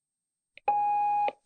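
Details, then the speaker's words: Syringe pump (infusion pump) switched on for a self-test in a training demonstration: a short click, then a steady electronic tone lasting about half a second. "зачекати поки він пройде самотестування і він запитає у нас чи залишити попередні налаштування"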